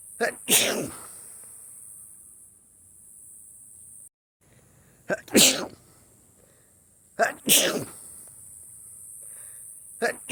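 Three sharp explosive sneezes, each with a brief indrawn breath before the burst, then a fourth beginning at the end.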